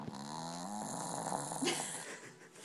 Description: My dog Beezer is snoring though dinner, it's hilarious!!!!!